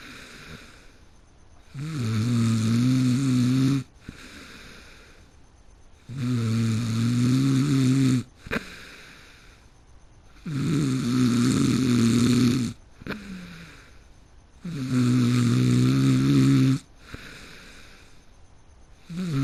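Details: Heavy snoring in a person who fell asleep mid-game: loud, rattling, steady snores on each breath in, about 14 breaths a minute, with quiet breathing out between.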